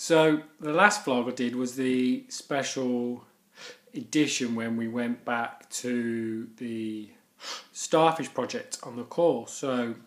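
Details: Stuttering (stammering) in an adult male who stammers.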